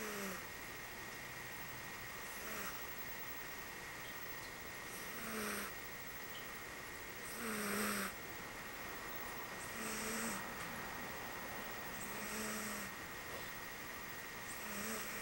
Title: snoring